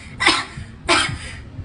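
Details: Child acting in a comedy skit, told not to buy ice cream because of a cough, gives two short, dry, forceful coughs with faint room noise between them.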